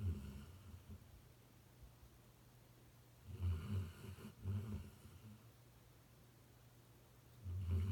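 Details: Napping pet lying outside a home office door: low, rumbling snores in repeated bursts with quiet breathing pauses between them; snoring.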